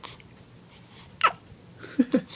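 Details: Baby girl: a small sharp sneeze, then two short hiccup-like catches with tiny vocal sounds; sneezing and hiccups.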